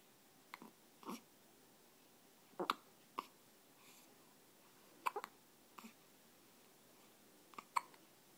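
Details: A 12-day-old baby has hiccups, with repeated short, sharp hiccup catches, some in quick pairs, at irregular one-to-two-second intervals in a quiet room.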